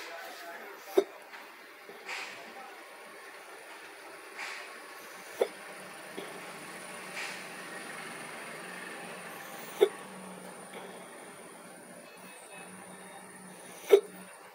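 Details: Hiccups while walking back to the hotel after a day at the beach: four short, sharp hiccups roughly four seconds apart over steady vehicle rumble; repeated hiccups.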